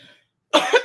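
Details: A person says their cough will not go away, then gives a single sharp cough burst after a brief silence: a persistent cough.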